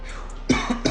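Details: Adult man coughing fit right after opening a spicy mango thermogenic pre-workout powder (212 Thermo sweet heat), before drinking it; sharp repeated coughs.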